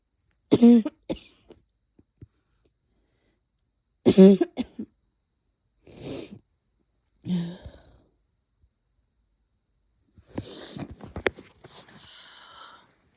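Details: Barking cough lingering after a cold, with chest pain: two loud, harsh, voiced cough bursts, then softer coughs and a noisy sneeze-like burst.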